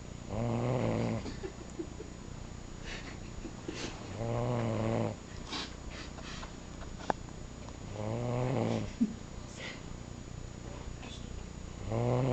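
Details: Grant snoring on and on: regular, rattling, buzzing snores on each breath in, about four breaths in twelve seconds (roughly 20 a minute), with quiet breaths out.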